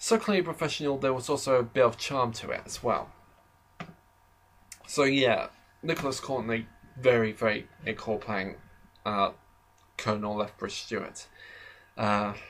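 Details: Adult man who describes himself as slightly stammering, heard in natural conversational speech with stuttering.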